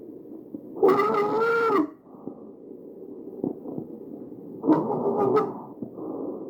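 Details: Tracheal stridor in a real patient, recorded with an AccurSound electronic stethoscope.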